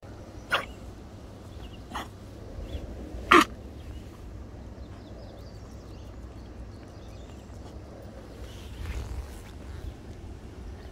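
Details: Three short, sharp coughs from an animal in the first few seconds, then quiet with faint outdoor background noise.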